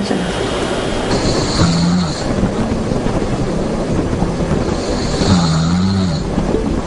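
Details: Snoring from an elderly man during an overnight sleep study, after taking a sleeping pill for chronic insomnia; breathing stops about every 3 minutes, waking him. Two low, rough snores about four seconds apart over steady background noise.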